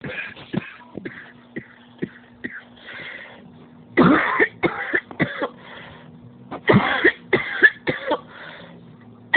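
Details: An adult's coughing fit: repeated harsh, forceful coughs in clusters with strained breaths between, leaving them physically drained and in pain.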